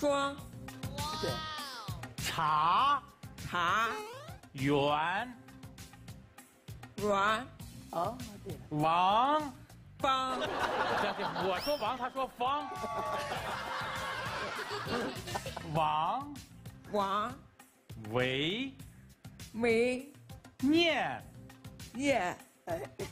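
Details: 23-year-old woman, deaf in both ears since early childhood from medication given for a high fever, unable to speak before learning from age 3 with a special-education teacher; wears hearing aids that give sound but not words; hearing-impaired speech.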